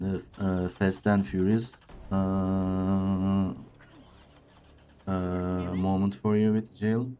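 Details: Male speaker with a self-reported speech disorder, type not named, which he says sounds like a game character's but much worse; disfluent speech.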